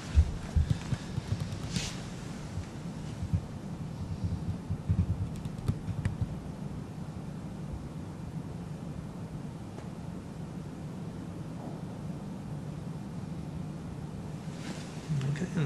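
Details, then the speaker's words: Adult patient during abdominal examination, stethoscope on the tummy; soft low gurgles and rumbles, gurgling away quite normally; normal bowel sounds. "to be gurgling away quite normally"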